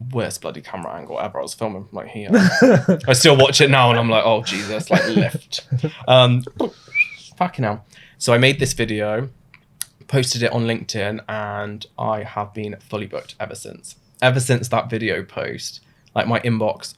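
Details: Adult man with Tourette syndrome diagnosed suddenly in his mid-twenties (around 26), vocal tics starting about two months after onset; involuntary swearing words interrupt his speech, which he says he does not control or plan: vocal tics with coprolalia.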